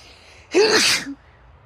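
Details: Female sneeze: a short intake, then a sharp explosive burst of air with voice, fading quickly into quiet.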